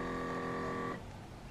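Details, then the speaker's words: Omron HEM-8712 automatic upper-arm blood pressure monitor, user seated at rest with arm straight: steady buzzing pump whine, cutting off after about a second, as the cuff starts to inflate; reading reported normal. "हाथ को सीधा रखिए आराम से rest position में बैठे रहिए और देखिए हवा इसने भरना शुरू कर दिया"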